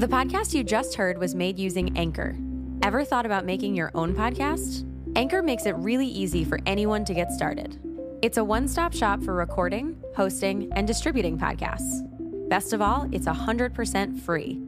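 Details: Adult woman speaking over music; normal speech.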